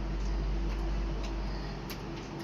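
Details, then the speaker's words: Soft, rapid, rhythmic low pulsing of a fetal heartbeat at 6 weeks 6 days of pregnancy, clearly heard through the ultrasound speaker after natural conception; fetal heartbeat. "মাশাল্লাহ শুনছো অনেক সুন্দরভাবে habit এসছে স্পষ্ট এই যে বাচ্চাটা"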